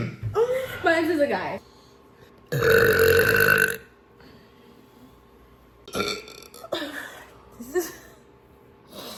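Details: Person burping in a compilation: loud, drawn-out belches followed by shorter burps, separated by quiet pauses.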